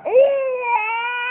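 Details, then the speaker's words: A single drawn-out infant cry with a clear sustained wail and a brief catch midway; baby crying. "you want to go see Ronald you want to go to see [Music] Ronald yeah"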